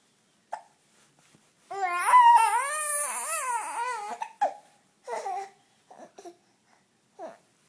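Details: Infant babbling, then a run of short, abrupt voiced catches at irregular intervals; hiccups.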